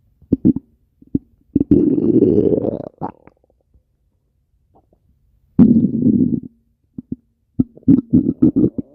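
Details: Low gurgling rumbles and drawn-out growls come and go between brief quiet gaps: stomach growling (borborygmi).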